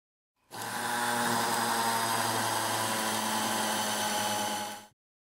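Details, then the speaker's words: Dental implant osteotomy in region 36 (third quadrant) for 4.5 mm Medentika MicroCone implant: standard drills 3.0 mm then 3.5 mm depth drilling, max 800 rpm; steady whirring motor whine about four seconds. "we are using a standard drill 3.0 millimeters green ring for the first depth drilling the standard drill 3.5 millimeters black ring is used for the next depth drilling"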